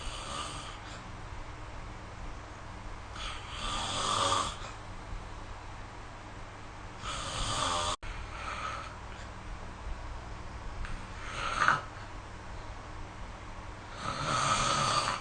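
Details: Snoring recorded with the SnoreLab app: soft, rough snoring on each breath in, about 8 breaths a minute, against steady room hum.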